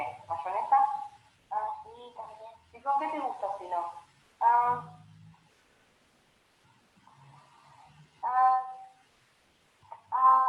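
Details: Child with developmental stuttering (dysfemia) using much force on each disfluency, unlike forceless repetitions; clip cut from a longer sample; stuttering with tense prolongations and blocks.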